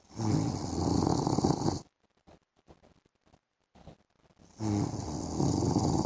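Loud rough rattling snores on two breaths with a quiet pause between them, room noise in the gap; ordinary snoring.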